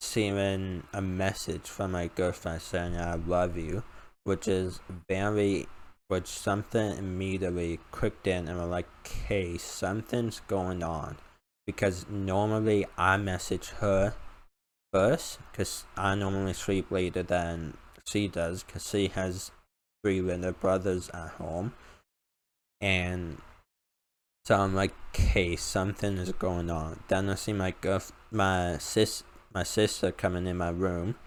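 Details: 19-year-old male college student with a self-reported uncontrollable speech impediment and about 10 years of speech therapy; formerly used an iPad talking device, not needed for about three years; speech impediment.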